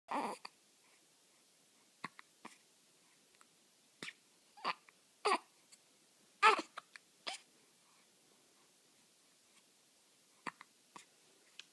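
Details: Two-week-old baby boy, held by his mother as she talks to him, with hiccups: short, sharp catches of breath about once every second, ordinary newborn hiccups.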